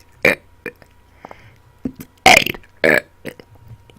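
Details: Deliberate burp-talking after dinner, recorded close on a blue Yeti microphone: several loud voiced belches shaped into word-like sounds with short gaps; voluntary burping on command.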